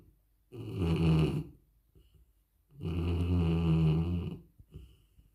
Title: Dog snoring hard.When you work from home with dogs ❤️❤️❤️#dog #snoring#dogsnoring